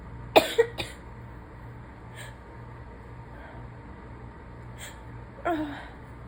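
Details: A few short, sharp coughs at the start and another near the end, from a sick person who is also sneezing, with a quiet room hum between them; cough.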